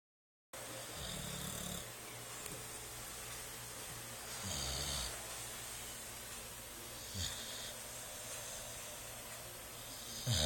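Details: Low, rough snoring under steady hissing room noise from an 8-month-old sleeping deeply; snoring.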